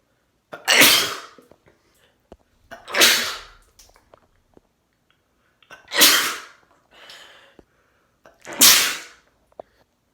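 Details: Four loud, sharp sneezes from a male, each with a brief intake before the burst, spaced a couple of seconds apart; described as wet, induced sneezes with spray; sneezing.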